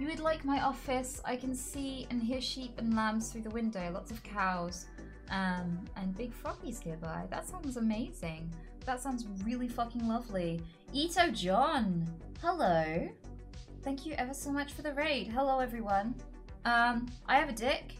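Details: Woman with Tourette syndrome and self-described quite severe coprolalia; involuntary tic interjection mid-sentence; vocal tics with coprolalia (Tourette syndrome).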